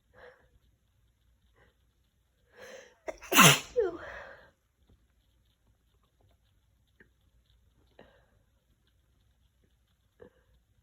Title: Messy Cold Sneezes (f)